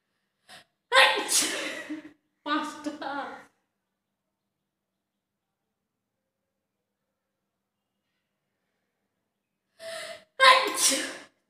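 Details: A person deliberately induces sneezing with red chilli powder in a sneezing challenge: several loud, explosive sneezes, each preceded by a sharp in-breath, in two groups separated by a long silence.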